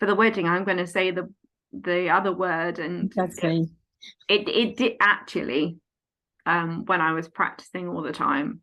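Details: Aphasia in an adult woman following a stroke at age 18, now 14 years post-stroke, affecting speech, reading, writing and understanding numbers.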